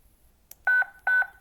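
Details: ZOLL M2 defibrillator in manual mode during a 30-joule shift test: a brief click followed by two steady electronic charging tones; a normal device tone.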